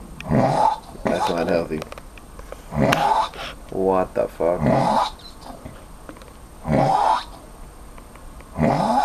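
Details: Man snoring heavily after drinking too much Korean soju: loud, rough, rattling snores in repeated bursts, some fluttering and growl-like, over quiet room noise.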